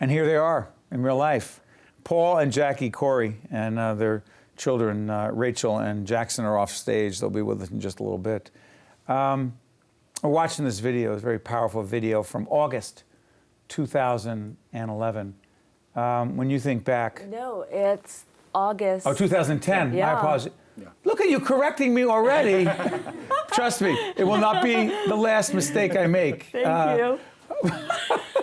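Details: Adult male host speaking; normal fluent speech.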